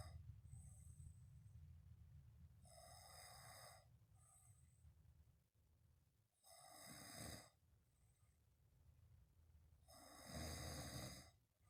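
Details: Snoring while sleeping on the back: rough snoring breaths over a low room hum, with two stronger snores at about 7 and 10.5 seconds.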